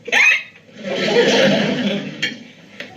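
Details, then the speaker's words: Acted hiccups in a TV comedy scene, blamed on overeating: a sharp voiced hiccup, then background sound and two brief catches; hiccups. "well I can't eat my food I have the air cups Andy well maybe you could eat a little in between them"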